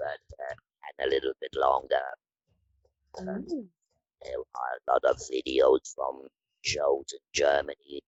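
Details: Electrolarynx speech in a woman after laryngectomy surgery, using the Inspiration electrolarynx device.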